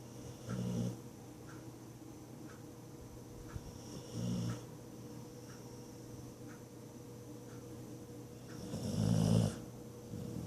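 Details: Pet asleep on the owner's leg, snoring: three low, rattling snores spaced a few seconds apart over a steady hum. Snoring during sleep.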